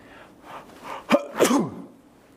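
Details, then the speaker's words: An adult gives a single acted sneeze without covering the mouth, to show incorrect sneezing etiquette: a quick in-breath, then a sharp explosive burst. "teraz się w tym nagraniu pokażę wam jak prawidłowo zachowywać się podczas kichania czy kaszlu"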